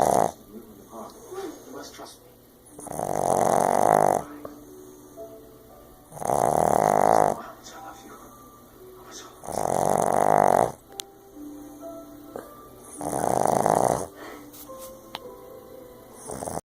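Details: Sleeping Boston terrier snoring like a human: loud, rhythmic rattling snores, four in about 16 seconds, roughly 15 a minute.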